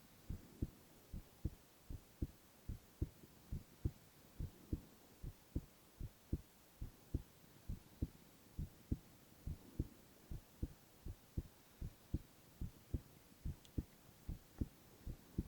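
Steady, regular thumping heartbeat at about 72 beats a minute with clear paired sounds and no extra noises; a normal heartbeat.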